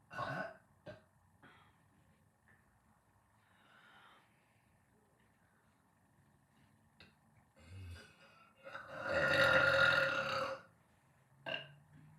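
Several short belches and one long, loud drawn-out burp in a quiet room; ordinary belching.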